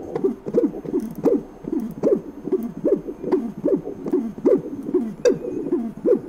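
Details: Tissue Doppler during echocardiography in an adult male discus thrower: low, hooting swoops with each heartbeat, about 75 a minute, normal heart muscle motion signal.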